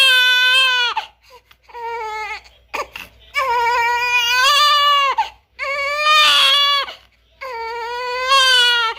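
Loud, high-pitched rhythmic wails from a newborn, in bursts separated by short pauses for breath; a strong, typical newborn cry.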